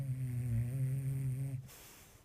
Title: Funny Bulldog snoring